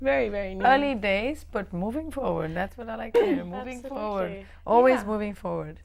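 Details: Adult speaker, talk show host; fluent speech.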